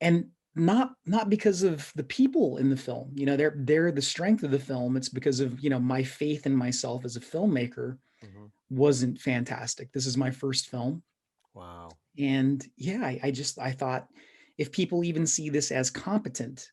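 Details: Adult man speaking in an interview; typical speech.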